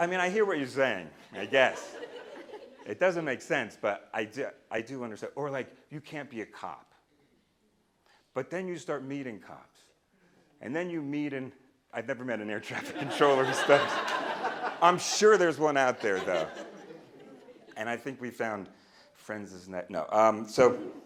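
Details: Stuttering with part-word and whole-word repetitions in an adult man, a person who stutters and speech-language pathologist, speaking live; he says he used to stutter overtly a lot more.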